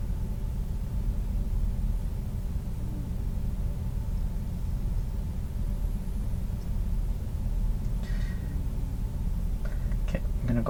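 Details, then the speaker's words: Stethoscope auscultation of an adult's abdomen over the aorta, renal and iliac arteries: steady low rumble with a few late rustles and no whooshing bruit, a normal finding during a real nurse's abdominal exam. "okay I didn't hear any breweries um Fair which is a good thing okay so I think this concludes the auscultation piece we've listened and we didn't hear anything unusual"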